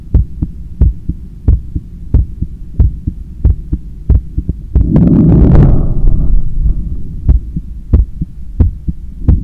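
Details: Own heart sounds by stethoscope after a 10 km run, lying on a daybed leaning on left side while controlling breathing; strong, regular beats about 90/min, briefly masked by rubbing noise; normal heart sounds, still forceful after exercise.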